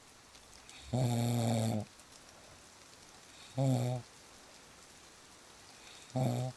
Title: • Fall Asleep Fast With Real Snoring Sounds